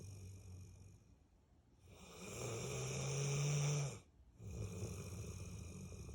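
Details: 8-year-old Bullmastiff snoring: a deep, droning snore rising to a loud rumble, then a breath and another snore; heavy snoring.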